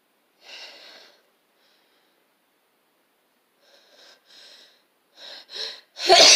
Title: Sneezes attack